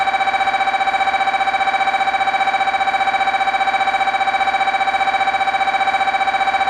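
Loud, steady, rapid electronic buzzing tone pulsing evenly, typical of an MRI scanner running a sequence.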